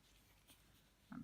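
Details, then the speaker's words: A dog snoring in a quiet room, heard as one brief low snorting grunt near the end. "I'd like just say if you can hear something snoring that's my dog"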